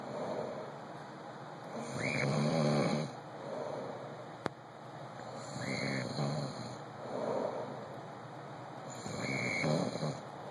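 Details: Adult man (husband) asleep in dark room, snoring and whistling: slow rough snoring breaths about 17 a minute, brief high whistle at start of some breaths, over steady room hum.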